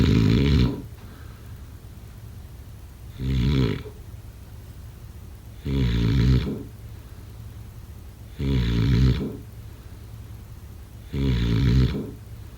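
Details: Snoring: loud, low rattling snores on each breath in, about 22 a minute, with quiet pauses between.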